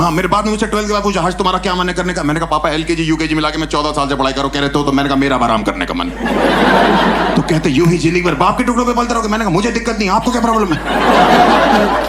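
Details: Adult male speaking Hindi on stage; no speech disorder.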